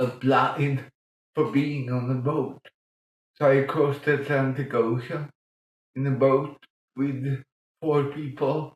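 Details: Adult man with mild cerebral palsy from lack of oxygen at birth in 1958; as a child he talked while breathing in, and says music later helped him breathe differently and talk more intelligibly; mild dysarthria in cerebral palsy.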